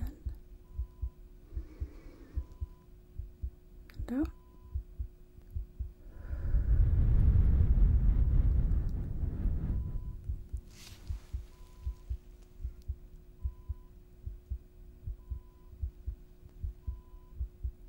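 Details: Steady, regular low heart thumps through a stethoscope with one deep breath in and out midway, during a role-played ASMR nurse chest exam before discharge: normal heart sounds.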